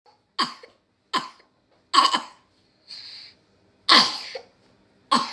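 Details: A girl coughing in the morning after coughing all night while getting ready for school: five short, harsh coughs a second or two apart, with one throat-clearing sound between them, in a quiet room.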